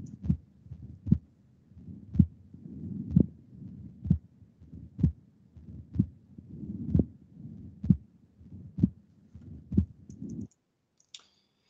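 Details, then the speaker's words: Woman with scleroderma (systemic sclerosis), dyspnea and pulmonary hypertension: regular heartbeat near 63 a minute with a split second sound whose latter part is louder, a split S2 with a loud pulmonic component (P2). "you'll hear a split s2 and the second part of that split is louder than the first so she has a very loud pulmonary component of s2"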